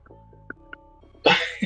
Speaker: Somebody sneezing na.